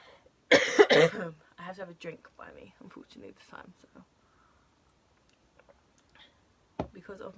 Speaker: in case anyone does yet that is my cough it sounds like I smoke like chain smoke but I've never smoked down my life genuinely just a very deep cough